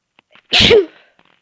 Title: sneeze 1